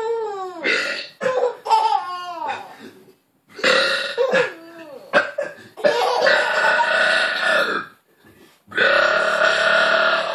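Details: An 8-month-old girl laughs at her father's burps: long, loud adult belches alternate with her bright, bubbling infant laughter. Ordinary burping.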